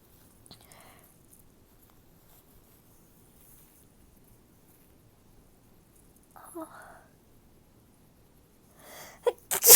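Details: Faint breaths and a soft moan build up to a sudden sharp, loud sneeze at the end; a woman sneezing, with much nasal discharge afterward.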